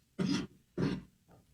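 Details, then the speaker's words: Adult man coughing during a radio show, from an illness said to be going around; described as horrible-sounding, like coughing up a lung. "horrible it sounds like you're about to die sounds like you're coughing up a lung it's just this crud that's been going around"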